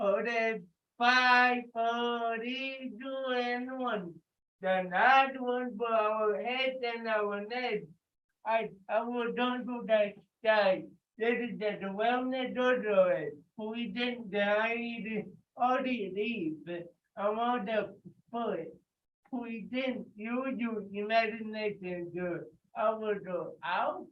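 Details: Adult with cerebral palsy leading a group warm-up; listeners report difficulty understanding him; dysarthria (cerebral palsy).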